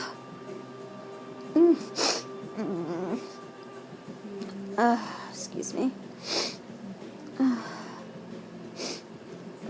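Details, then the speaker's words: Repeated sneezing that the person guesses is from allergies, starting after they went outside: several short, sharp sneezes separated by pauses, with faint background music. "Oh God my allergies are my allergies so Bad I'm at least guessing That's what it is"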